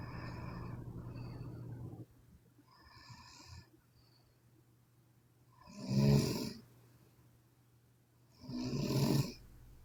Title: Sleeping Chinese Women Snoring (CWN) Part 2